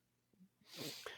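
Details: Adult man holding back a sneeze during a podcast recording, a faint catch of breath then a muffled, airy burst; the co-host is unsure it was a sneeze: suppressed sneeze.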